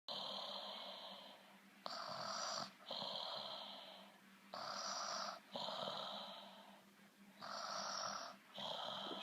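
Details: Loud snoring from a sleeping baby.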